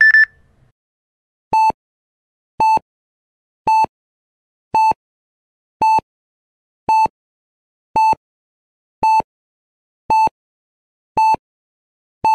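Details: Heart rate monitor sound effect, beep and stop: clean, regular single-tone beeps at about 56 per minute; heart rate monitor beeping.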